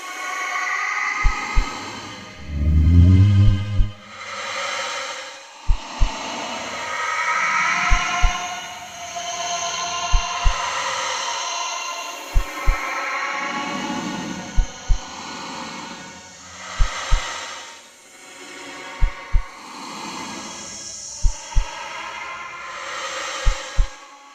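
Slow, paired heart thumps, about 27 a minute, over a swelling, humming drone of unclear origin.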